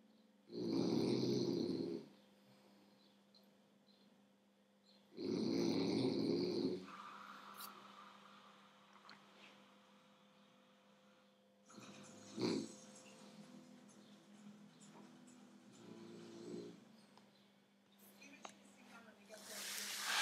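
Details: French bulldog asleep: loud, rattling snores at long, uneven intervals with quieter snuffling breaths between them; snoring in a flat-faced dog.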